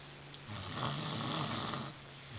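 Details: Young daughter who lay down to read a book and fell asleep: a single rough, fluttering breath lasting about a second and a half. Snoring in a sleeping child.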